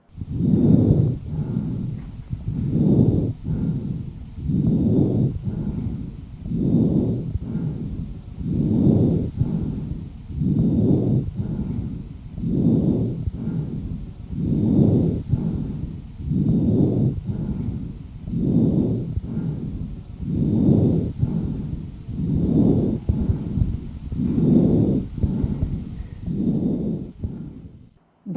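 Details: Adult with a productive cough and suspected acute bronchitis from a viral respiratory infection: coarse, loud breath sounds at about 15 breaths a minute, inspiration and expiration about equally loud, consistent with harsh breathing.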